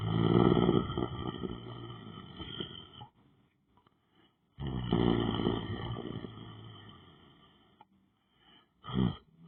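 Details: A person lying down on the floor asleep: loud, long, rumbling snores that fade out over each breath, with pauses between them; heavy snoring during sleep.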